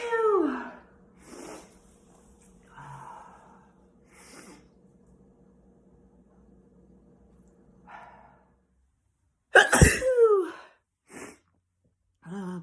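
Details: A collection of sneezes recorded on a phone: several quiet sneeze-like bursts and breaths in a small room, then a loud full sneeze with a sharp intake and explosive release, and short sounds after it.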